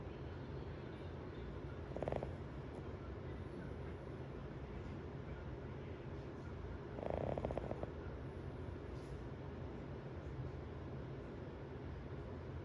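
Two soft, rattling snores about five seconds apart over steady loud background noise; snoring.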